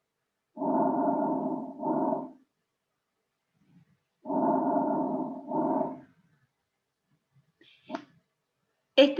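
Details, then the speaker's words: Normal vesicular breath sounds heard over the posterior chest at the apex, middle and base of the lungs. Two breath cycles, each with a longer inspiration and a shorter, fainter expiration, from air entering the alveoli. "es ruido se percibe en todas las partes del pulmón que esté en contacto con el tórax se oculta en el tórax posterior a nivel del vértice partes media y base de los pulmones se origina por la entrada de aire hacia los alvéolos pulmonares durante la inspiración"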